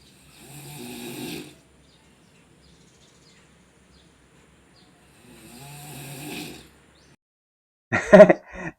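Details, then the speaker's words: Open-mouthed snoring during sleep, shown before using an anti-snoring mouth tape: two rough, rattling inhaled snores about five seconds apart, then a brief louder snort. "tentunya sedulur enggak mau tidur yang seperti tadi itu ya. Tidur masa ngangah sambil ngorok jangan ya."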